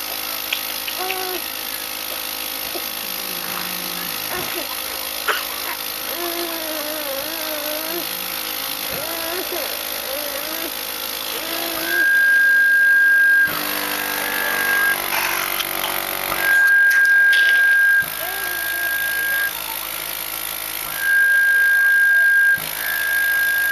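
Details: 22-month-old boy with SMA type 1 in Trendelenburg position on a wedge pillow, receiving a routine cough assist treatment by mask: soft vocal sounds, then loud rhythmic mechanical insufflation-exsufflation cycles with a steady tone.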